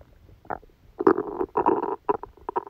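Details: Stomach sounds recorded during a stomachache after Christmas dinner while the person slept: several gurgling, growling rumbles in quick bursts; loud active bowel sounds, stomach rumbling.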